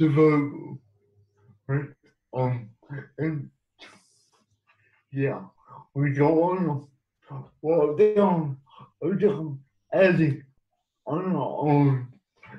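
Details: Adult man living with cerebral palsy, speaking in an interview; dysarthric speech in cerebral palsy.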